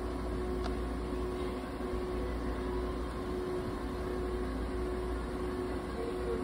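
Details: Budgerigar (Tama) treated in a veterinary ICU incubator with warming, humidifying and oxygen therapy: a steady low machine hum with a constant tone and no bird sounds.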